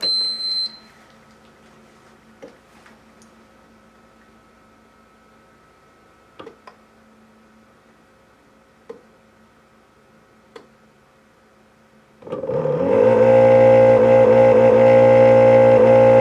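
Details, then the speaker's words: Scattered short alarm chirps, then a loud steady droning hum from a transport ventilator's compressor running without oxygen connected; alarms sounding because high and low pressure alarms are not yet set. "So that's the noise it's going to make because it's using the compressor. Alarms will be going off because you don't have your high pressure and low pressure alarms set yet. So there's going to be a lot going on."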